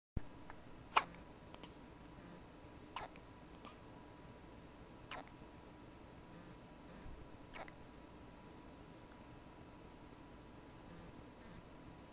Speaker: Well, I guess the cure for baby hiccups is to videotape them.